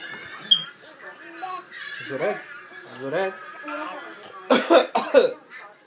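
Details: Young child gives three quick, forced coughs after some speech, imitating his father's cough.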